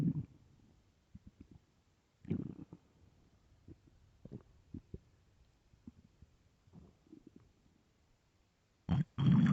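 Irregular gurgles, squeaks and low rumbling growls from the stomach, with a loud handling noise at the end; hunger stomach growling.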